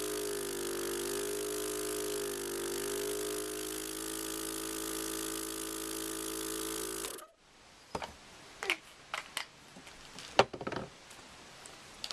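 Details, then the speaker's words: A steady motor hum and hiss for about seven seconds, then clicks and handling noises. An airway suction machine suctioning a 5-year-old girl with SMA type 1 on BiPAP during a Cough Assist treatment. "We suction orally again. And then we suction nasally with saline at the end of the treatment."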